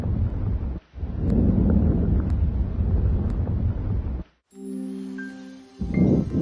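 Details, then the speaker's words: Normal vesicular breath sounds over the lung fields, heard by stethoscope auscultation during a respiratory physical assessment demonstration: soft, low rustling breath sound, followed by brief music. "you should also hear bronchovascular sounds over the main bronchi and vesicular sounds over the rest of the lung"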